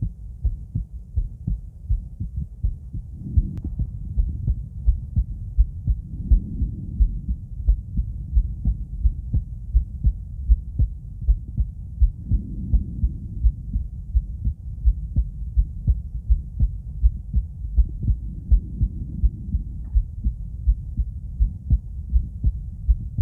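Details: Female adult's heart auscultated with different stethoscopes at Erb's point, then the mitral, tricuspid, aortic and pulmonic areas: steady low heartbeat thumps at about 80 a minute. Normal heart sounds.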